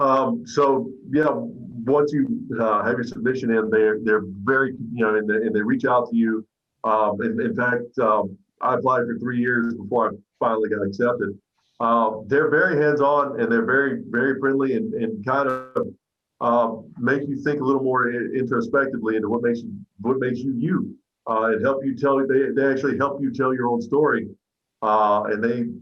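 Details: Adult man who stutters; stuttering.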